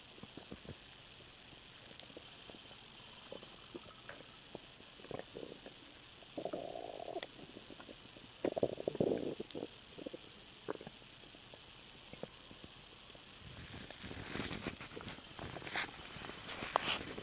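Quiet gurgles and bubbling squeaks over faint room hiss; stomach rumbling after swallowed air.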